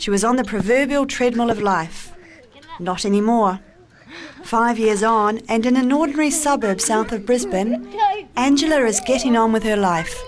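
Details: Adult female narrator; normal fluent speech.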